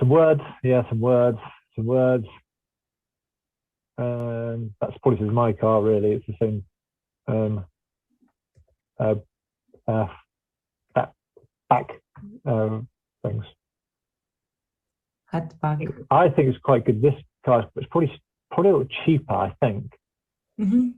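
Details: Adult female research participant with mild or moderate aphasia, who finds reading very difficult and tiring.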